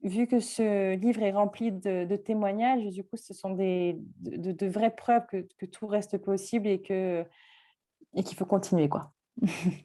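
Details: 24-year-old woman with a mild but audible cluttering, a fluency disorder; cluttering.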